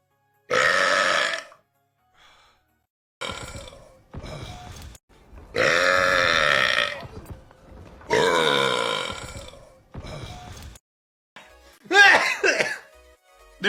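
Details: A run of about seven loud, drawn-out, croaking belches separated by short pauses; burping.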